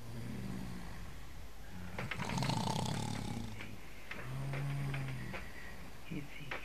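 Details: Deep, rumbling, buzzy snores on inhalation, loud against room noise, with rustling between breaths, while a dog named Foopsie tries to sleep on the snorer; heavy snoring.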